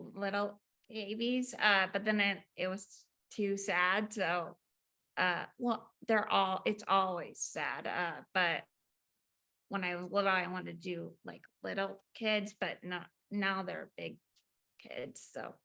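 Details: Woman about 4 years after a 2019 ruptured brain aneurysm with intracranial and subarachnoid hemorrhage, initially unable to speak; apraxia reportedly flares less when not nervous; aphasia with apraxia of speech.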